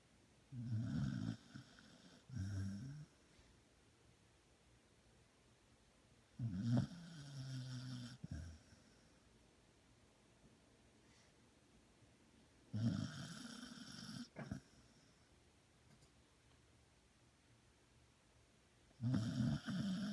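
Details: Female dog snoring: low, rumbling snores in irregular bursts, about ten a minute, in a quiet room.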